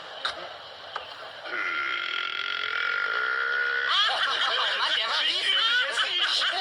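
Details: A long, drawn-out, tonal burp from a dinosaur in a cartoon burping contest, followed by the characters' laughter and chatter; comic burping.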